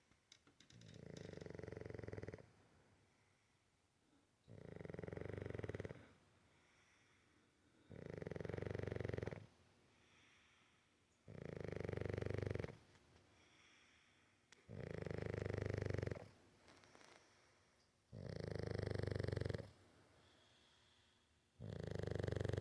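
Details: Bulldog snoring: loud, low, rumbling snores on each in-breath, about one every 3.5 seconds (around 17 breaths a minute), steady and regular.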